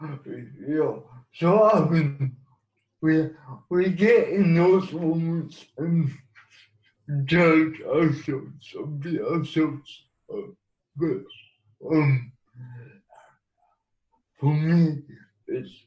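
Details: Man with cerebral palsy who has used a wheelchair most of his life; speech in cerebral palsy.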